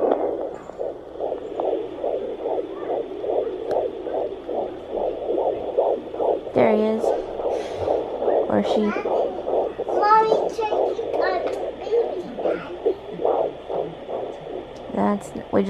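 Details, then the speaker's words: Rapid whooshing pulses of a fetal heartbeat at 16 weeks of pregnancy on a home Doppler placed low on the mother's abdomen, briefly interrupted by scraping and a child's voice; baby moving. "if you're lucky sometimes you can hear them like kick the doppler or a swoosh when like he or she moves or sometimes i'll be in the exact same spot and like also in the heartbeat will go away"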